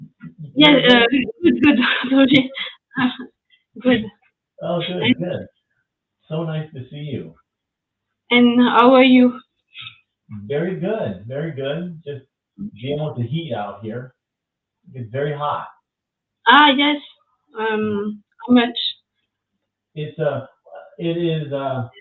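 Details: Young woman, French, with lasting aphasia after an ischemic stroke at age 22 in July 2011; initially mute for 10 days, then a year of rehabilitation; speaking years later; post-stroke aphasia.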